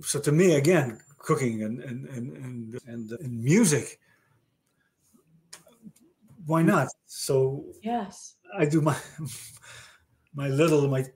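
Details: Male stroke survivor with aphasia following a stroke about 30 years ago, with word-finding difficulty in conversational speech; aphasia.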